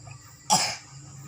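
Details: 5-year-old child coughing while reciting juz 1 of the Quran in a memorization test she passed: a single short, dry cough in a quiet room.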